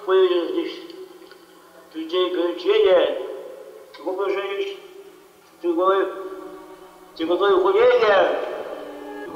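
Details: Archival sermon recording of an archbishop, who had a speech disorder, found speaking difficult and was sometimes very hard to understand, his mouth described as somewhat twisted; speech impediment.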